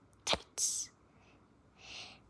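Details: Child sneezing once: a quick sharp intake, then a hissing burst, followed by a soft breathy exhale in a quiet room.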